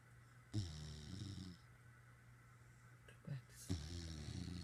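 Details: Loud, rough, rattling snoring during sleep, two breaths about three seconds apart over a low room hum, while lying on top of the owner's head and staring.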